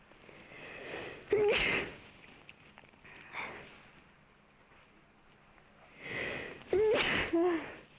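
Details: Dog after a nose cleaning, sneezing repeatedly: two sharp, explosive sneezes, each preceded by a quick snuffling breath in and ending with a brief squeaky snort, in a quiet room.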